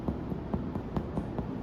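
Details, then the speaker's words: Chest percussion in a semiology class, contrasted with tympany over Traube's space: about seven evenly spaced, low, hollow taps over the lung, a normal resonant lung percussion note. "Timpanismo, e agora ó o pulmão como não é timpânico, ele é ressonante."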